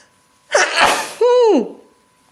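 A single sharp sneeze: a noisy burst followed by a brief voiced 'choo' sound, then quiet.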